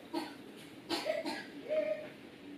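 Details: Young girl coughing since Friday with no other symptoms gives three short, dry coughs with brief high-pitched voice sounds between them.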